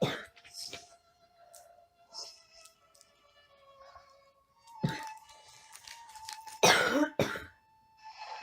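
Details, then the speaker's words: Adult who says they have been sick, with a coughing fit bringing tears while playing a mobile game: several harsh, loud cough bursts and throat clearing over quiet background music. "honestly didn't start coughing like this until I started filming I was perfectly fine all morning"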